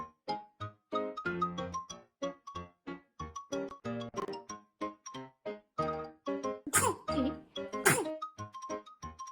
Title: 【赤ちゃん】生後3日目のくしゃみ〜baby's first sneeze, 3rd day〜